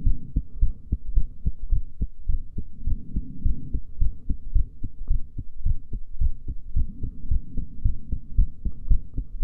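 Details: Female heartbeat recorded after breath holding: low, steady paired thumps at about 110 per minute, somewhat fast; normal heart sounds.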